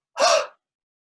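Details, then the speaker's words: A respiratory physiotherapist demonstrates a medium huff after a deep breath in through the nose: a single breathy, open-mouthed forced exhalation, between a cough and steaming a mirror, to help clear mucus. "so if you put your hand up in front of your mouth and you'll imagine it's something between a cough and making a little steam on a mirror you will hear this sound"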